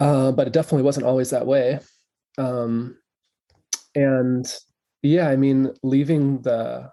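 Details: Adult man who stutters, openly and without hiding it: stuttering.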